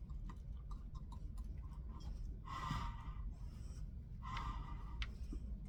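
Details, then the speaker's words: Simulated tracheostomy care on a manikin: two airy whooshing puffs from a squeezed manual resuscitation bag hyperoxygenating the patient before tracheostomy suctioning and inner cannula change; manual resuscitation bag ventilation. "You're going to pull this off and hyperoxygenate your patient."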